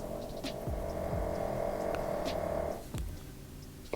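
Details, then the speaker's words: A steady, humming, rumbling breath sound lasting about two seconds, then fading, with faint clicks in a quiet room, from a pet dog asleep during a makeup session: snoring. "you guys hear that my dog is snoring like he does in every single video"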